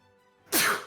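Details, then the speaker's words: A single sudden, forceful adult sneeze after a quiet stretch with faint background music, during a live voice-acting stream. "You can hear me sneezing from prison."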